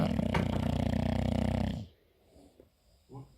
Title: Bulldog snoring